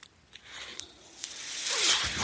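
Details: Mechanical ventilator of an adult male user heard during his podcast: soft clicks followed by a swelling airy hiss as the ventilator delivers a breath.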